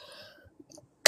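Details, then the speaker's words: Single sudden harsh cough from an adult speaking on a live stream, after quiet room hum, followed by throat clearing; the speaker apologizes for having a cough; cough. "Sorry, I I have cough. I don't know >> the mic when you cough like that. That sound like malaria or something."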